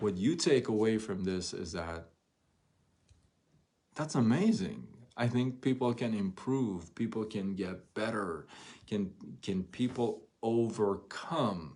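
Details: Adult male who stutters, onset noticed around age 6, severe between ages 13 and 23-24 with chin shaking and gasping for air, since improved; stuttering.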